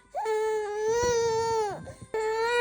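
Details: Sustained high-pitched wail that breaks off, then starts again, from an infant on the sixth day of weaning food; an ordinary infant cry.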